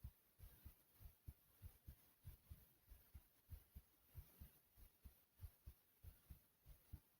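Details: Pounding heartbeat, regular low lub-dub thumps at about 95 beats a minute with steady background hiss; a strong, fairly quick heartbeat.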